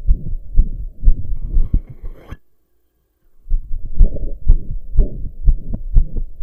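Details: Self-recorded heartbeat while lying down, after hours of pounding hard: fast loud beat around 120 a minute with a whooshing rush filling the gaps between beats; loud heart murmur.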